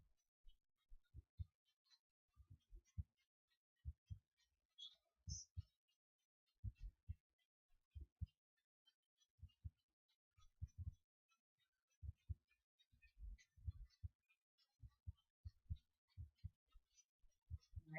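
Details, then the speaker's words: Stethoscope auscultation over the abdominal aorta, done before palpation, to check for bruits: regular low pulse thumps with no swooshing, a normal finding with no aortic bruit. "don't hear any swooshing. And then the renal artery is just below that on either side of the aortic artery."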